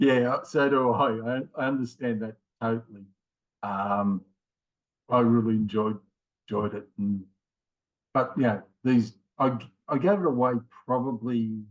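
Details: Man in his late 50s with mild aphasia after a left-sided ischemic stroke in January 2020, with word-finding difficulty that worsens with fatigue; also has a history of two heart attacks and rheumatoid arthritis; aphasia.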